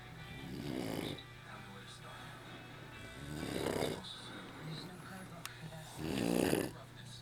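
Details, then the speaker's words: Sleeping man snoring continuously for an hour: three loud, rough inspiratory snores at about 22 a minute with quiet pauses between them. "I'm gonna stop him from breathing for like a second. But it's not gonna do anything. He's just gonna stop for a second and then start snoring again."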